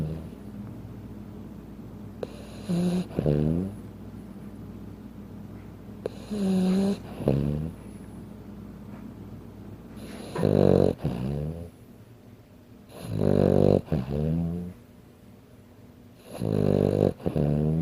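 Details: Sleeping 15-pound Frenchton dog snoring: loud, rattling snores in paired in-and-out bursts with snorting edges, surprisingly deep for a small dog, over a faint steady hum.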